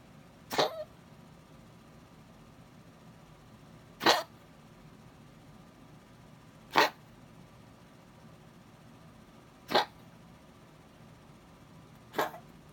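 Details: Small dog coughing at night despite treatments the owner has tried without success: five short, sharp coughs spaced a few seconds apart in a quiet room.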